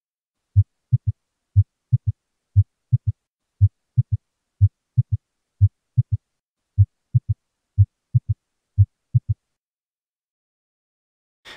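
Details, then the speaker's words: Heart auscultation of a patient with an S3 and a rather fast heart rate: low heart sounds in a three-beat sloshing gallop rhythm from an added third heart sound; S3 gallop. "this particular patient had a rather fast heart rate but you could easily hear that there was a third sound that was occurring as a result of having this s3"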